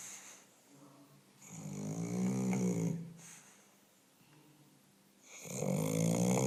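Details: English Bulldog snoring: loud, deep, rattling snores on each breath, with quieter breaths between them. Heavy snoring.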